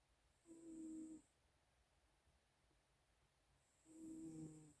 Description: Calico cat snoring.